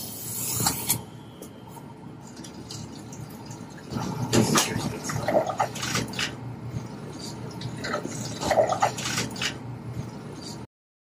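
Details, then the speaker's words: Airway suction on a simulator, comparing a size 10 endotracheal tube connected to suction tubing with a rigid Yankauer tip: steady wet gurgling and slurping as thick fluid is drawn; the large-bore tube clears thick airway contents better. "then you hook this up to suction turn on the suction and then you suction and so to compare we have a yankar and a size 1082"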